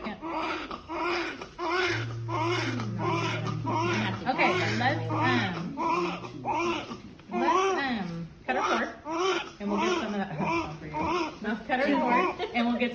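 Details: Repeated short wailing cries of a newborn girl, 8 lb 6 oz, just after birth following labour induction at 38 weeks (mother's third baby), with adult talk in the room; normal strong newborn cry.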